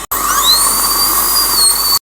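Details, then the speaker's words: Dental handpiece with round bur running in a steady high-pitched whine for about two seconds, opening the back (lingual side) of a front tooth for access, first step of root canal treatment after anesthesia. "First step के लिए है ये round बर और ये hand piece. इसका shape round होता है, उससे मैं ओपनिंग करूंगी।"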